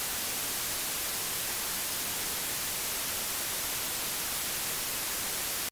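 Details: Steady, even hiss of white noise from the Tinnitus Balance masking program of a Phonak Lumity hearing aid; broadband tinnitus masker.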